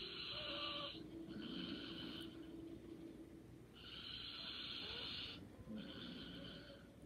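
Soft, airy snores on each breath over a faint room hum; light snoring.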